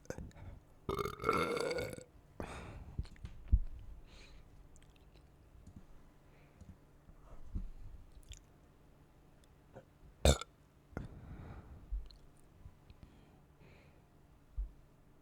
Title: burping while chugging down soda